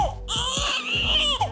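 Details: Loud, high-pitched wailing cry from a baby girl at her first chiropractic adjustment, during tummy pulling before an Ortolani hip-dysplasia test; quiet adult talk in the background.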